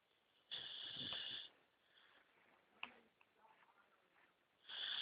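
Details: Nine-month-old Beagle puppy snoring while resting.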